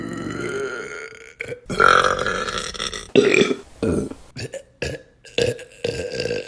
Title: Burping Compilation June 2023 #3 | RBC